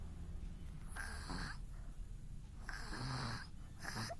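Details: Infant snoring during sleep: soft, rhythmic rattling snores on each breath, about three every four seconds, over a steady background hum.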